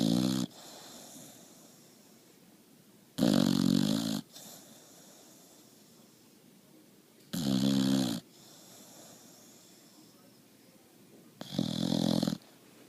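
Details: Boxer puppy asleep: loud buzzing snores on each inhalation, about 15 breaths a minute, quieter exhalations between; snoring, recorded on a phone app.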